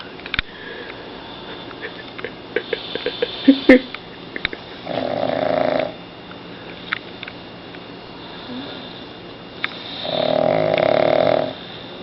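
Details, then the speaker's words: Loud, buzzing snores on the in-breath roughly every five seconds, with a fainter one between; a 3-year-old pug asleep on his back on a sleeping man's chest, unclear whether man or pug snores. "Can't tell who's snoring, the man or the pug dog. You cannot tell, man or pug dog."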